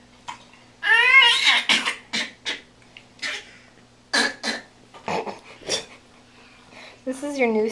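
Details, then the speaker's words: An infant who has had a cold makes short, deliberate cough-like bursts between high babbling vocalizations, sweating under the chin; a voluntary, playful fake cough. "it's really great you've had a cold and it's been making you cough and you must like how it feels to cough or how it sounds because then you fake coughing again right here"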